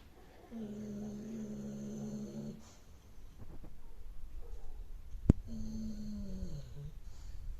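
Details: Snoring from an old, overweight dog.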